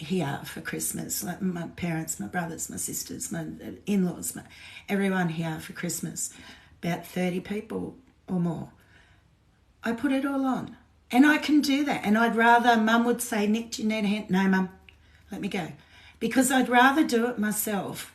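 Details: Woman with essential tremor, voice tremor worse than usual today after two days of drinking alcohol, with alcohol withdrawal shakes on top of her essential tremor; voice tremor (essential tremor).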